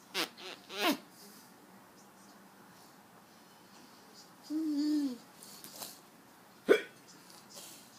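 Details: Several sharp, abrupt infant hiccups with a brief baby vocalization between them in a quiet room while a parent plays with the baby; ordinary infant hiccups.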